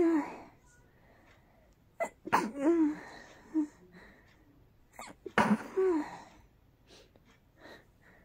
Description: Very tickly, very rapid indeed...